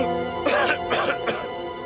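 Three short, acted dry coughs from an adult over steady background music.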